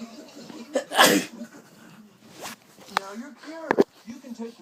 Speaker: This is the sneezing trick.